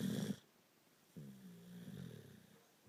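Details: Small dog sleeping on his back and snoring: a short low rumble, then a longer vibrating low snore on an in-breath.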